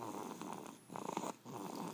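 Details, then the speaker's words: Loud, rough, fluttering snoring in repeated bursts with brief pauses from a sleeping baby boy, described as a particularly loud snoring episode. "so the stalking is about this loud okay just pretty good and you kind of can't hear us that well over him snoring"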